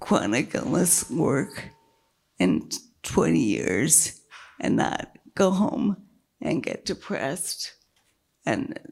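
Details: Dysphonia with a weak voice in a woman with multiple sclerosis whose failing diaphragm makes keeping her voice a struggle; she earlier lost speech totally from a brain lesion, had brain surgery, and slowly regained speech and word-finding.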